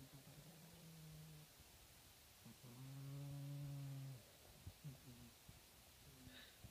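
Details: Sleeper recorded in October 2014: low rumbling breath sounds with one long drawn-out snore in the middle; snoring.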